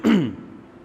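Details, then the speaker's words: Adult man with a hoarse voice who says his throat is strained from constant speaking: a single short, forceful, rough, low throat clear that fades quickly in a quiet room. "मेरा गला बैठा हुआ है यह मेरी जो आप बयानात मेरी आवाज सुनते ही यह ओरिजिनल नहीं है यह बैठी भी आवाज है"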